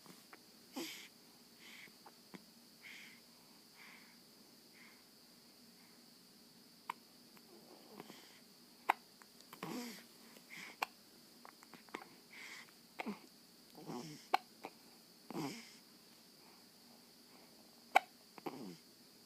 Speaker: Who's that baby? Have you got the hiccups? The baby in the movie has the hiccups too.